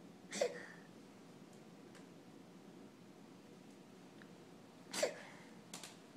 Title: Post-Tantrum Hiccups